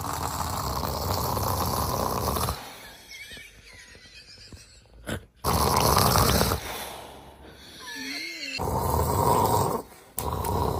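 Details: Loud, rough heavy snoring breaths alternating with quieter pauses and brief whistling sounds; snoring.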